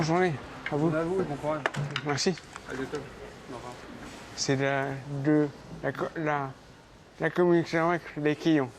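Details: Adult man speaking at work, with aphasia for more than 20 years after a 12-metre fall and a coma; aphasia.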